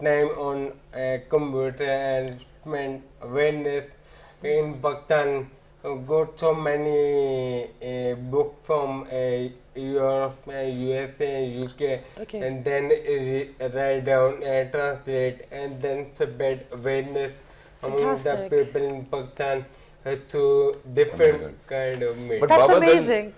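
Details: Adult man with ataxia since about 2007, symptoms starting after his marriage: ataxic dysarthria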